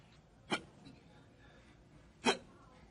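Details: Hiccups in a WWE TV comedy sketch: two sharp, brief gulping hiccups about two seconds apart over faint room noise.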